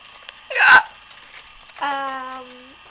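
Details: Person with hiccups: one sharp, abrupt voiced catch of breath, then a brief sustained vocal sound, a single hiccup.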